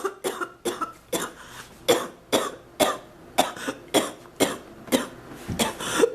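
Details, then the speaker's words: About fourteen short, dry coughs in quick succession with brief pauses, from an adult woman with an ongoing, unimproved cough she compares to past bronchitis, with chest discomfort; a persistent cough. "I wish I didn't have to have a cough right now. Oh. The house is a mess. I have a cough like this."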